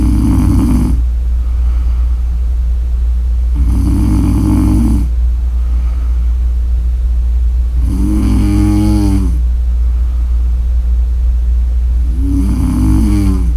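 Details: Snore audio: four loud, rattling snores about every four seconds, roughly 15 breaths a minute, over a steady low hum; snoring.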